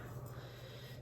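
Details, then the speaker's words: Rescue pit bull asleep: quiet, low rumbling snort of snoring heard faintly in the background. "so you can hear my dog tulip snoring in the back oops I just spilt that everywhere uh snoring in the background she often likes to sleep on the living room couches"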